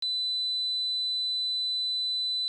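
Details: Simulated tinnitus: a steady, piercing high-pitched tone imitating one common form of tinnitus.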